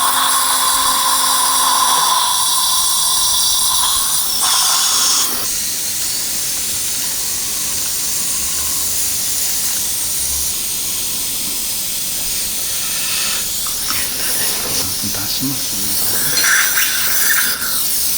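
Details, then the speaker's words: Dental implant motor whining with pitch shifts in a 63-year-old male receiving one implant at upper #16 with OneGuide guided surgery and GBR: poor bone quality, 5.0 × 10 mm drilling, final drill to 4.5, then fixture installation. "5.0 by 10 millimeter is going to be done and final drill is going to be done up to 4.5 fixture installation is going to be done"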